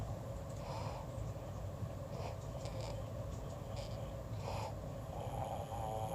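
Rough, rattling snoring breaths in a sleeping adult over steady low background noise.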